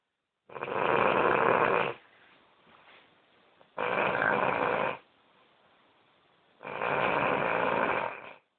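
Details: Snoring in a sleeping dog: three loud, rasping snores, each about a second and a half long, at about 20 a minute.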